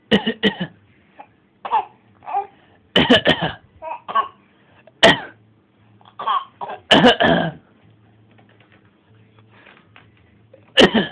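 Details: Voluntary fake cough: a young child gives short, deliberate fake coughs mixed with playful voice sounds and brief pauses, then tries to eat his playpen.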